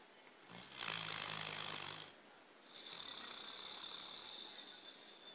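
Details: Quiet snoring during sleep: two soft, hoarse, rasping breaths, the first with a low vibrating edge.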